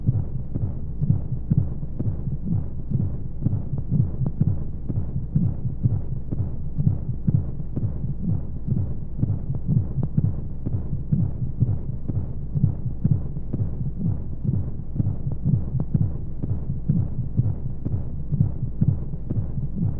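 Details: Womb sound played as a baby sleep aid: deep, muffled, steady whooshing heartbeat thumps with constant rushing white-noise flow; heartbeat.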